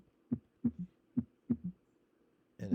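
Three-beat heart rhythm: each second sound is closely followed by a softer, low-pitched extra sound, an S3 gallop.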